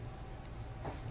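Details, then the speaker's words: Bronchophony: as the patient says "ninety-nine" during chest auscultation, the transmitted voice bursts through the stethoscope louder and clearer than normal after quiet chest sounds. It is checked where bronchial or bronchovesicular breath sounds are abnormally heard. "voice sounds that are louder and clearer than normal as in this example are called Branca funny"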